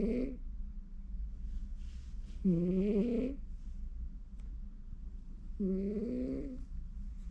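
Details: A pet cat sleeping during home office, snoring with soft nasal rasping breaths about every three seconds over a steady low room hum; normal cat snoring.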